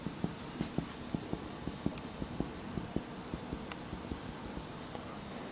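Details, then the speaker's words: Soft repeated chest percussion taps, about two a second, over the upper right border during a teaching demonstration of vascular bundle percussion; the vascular bundle is normally 5–6 cm wide and not beyond the sternal borders. "the size of size of vessel bundle is 4 to 6 cm 5 to 6 cm P not more than sternal"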